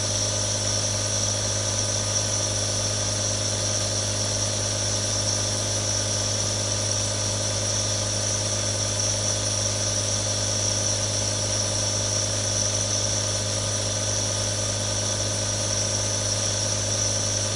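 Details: Real nebulizer sound: steady mechanical hum and buzz with a hiss, unchanging throughout.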